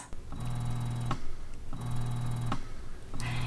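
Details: Low motor hum rising in cycles about every 1.4 seconds, each ending in a click as suction releases; rhythmic breast pump suction in a comparison of Willow 3.0, Elvie, Medela and Spectra pumps.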